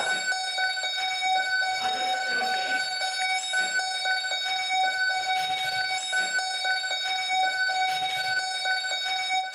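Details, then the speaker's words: Steady, high-pitched electronic monitor alarm tone with faint room noise, sounding on a paediatric intensive care unit (PICU), where staff run to respond. "So when the alarm goes off, I'm sick of that sound, to be honest. When the alarm goes off, everybody just runs and responds as best they can."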